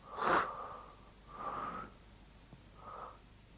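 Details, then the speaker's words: Normal laryngotracheal (bronchial) breathing heard over the larynx and trachea in a 1979 auscultation teaching film. Harsh, hollow sounds made by air passing through the glottis, coarser in timbre than vesicular breathing. "над гортани и трахеи выслушивается для ринга trofeo льна и дыхание возникающие при прохождение воздуха через голосовую щель она отличается более грубым тембром и напоминает звук"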